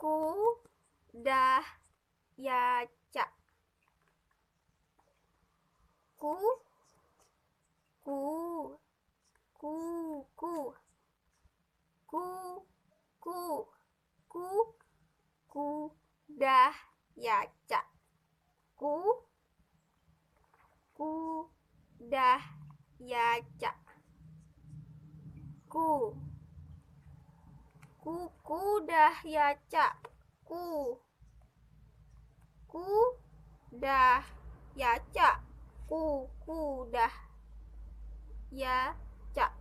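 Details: Acted demonstration of transcortical motor aphasia, in Indonesian, attributed to disrupted Broca–Wernicke connection, often after stroke.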